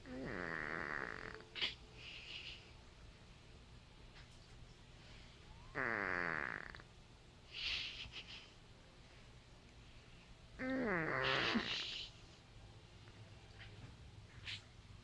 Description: My cat, who has sinus problems so she has funny breathing, is snoring as she sleeps on the couch.